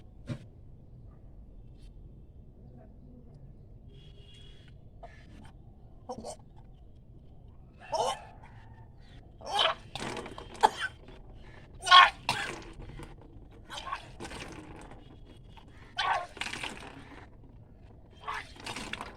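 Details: Kunjal kriya (Vaman Dhauti) yogic cleansing: after drinking about six glasses of warm saline water, vomiting induced with fingers pressed on the back of the tongue; low room hum, scattered gagging and retching bursts with splashing water.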